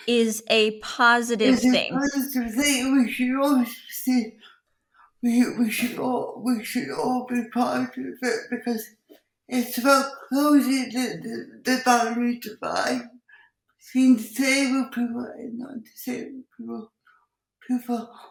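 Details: Dysarthria in an adult woman with cerebral palsy, who also has involuntary movements and uses a wheelchair.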